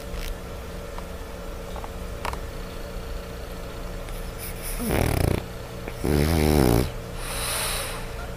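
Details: Small French Bulldog snoring: loud rattling snores, two strong breaths over background hum.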